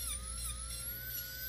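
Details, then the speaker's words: Dental handpiece lightly polishing the gray surface layer off lower teeth, not cutting enamel, before bonding a lower permanent retainer: steady high-pitched whine. "and I'm really not taking any enamel walk I'm just taking that little [Music] gray surface of the tooth off"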